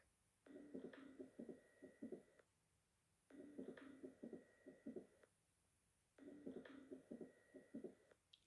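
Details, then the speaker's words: Stethoscope diaphragm at mitral area, patient supine: normal first and unsplit second heart sounds with crisp extra clicks between them, no murmur; mid-systolic click. "this is an auscultation example of mid systolic click here at the mitral valve area the first and the second heard sounds are normal the second heard sound is unsplit and no murmur is present"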